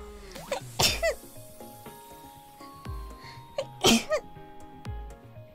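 Two sharp, voiced sneezes about three seconds apart, each a quick inhaled build-up then an explosive burst, over soft background music.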